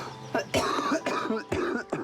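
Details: Productive cough in an 18-year-old male with cystic fibrosis, a progressive genetic lung condition: a quick run of about four harsh, rough, chesty coughs in close succession.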